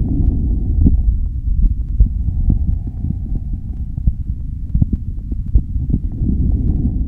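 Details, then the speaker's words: Normal vesicular lung sounds heard live on reassessment of a patient after nursing interventions: soft, low-pitched rustling breath sounds with faint thumps. "the answer is C normal vascular lung sounds"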